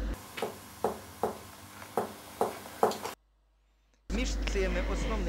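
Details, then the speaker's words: Tympanic percussion note over hollow organs, such as the sides of the abdomen or the gastric bubble: loud, long, drum-like tone whose pitch depends on the tension of the surrounding walls. "tanic tone is produced during the percussion of hollow organs for example on the sides of the abdomen or in Hollow areas such as the gastric bubble tanic tone is loud long and drum likee"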